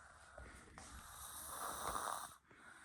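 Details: Female sleeper hogging the bed while asleep: a single drawn-out, rattling snore with quiet room noise before and after; snoring.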